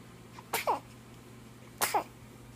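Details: Baby sneezing.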